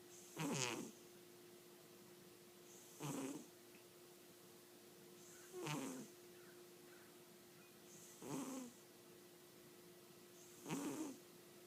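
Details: Snoring from a sleeping cat: five short, rasping snores about every 2.5 seconds, roughly 23 a minute, over a steady background hum.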